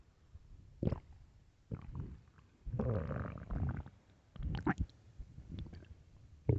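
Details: Stomach growling (borborygmi) late at night: several low gurgling rumbles and squelches from the belly, irregular in timing.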